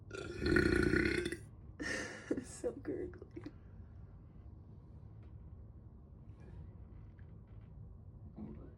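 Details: Self-recorded burp, tagged soda and bloating: one long, loud burp, then a shorter one and a few small gulps, followed by a quiet room; burping.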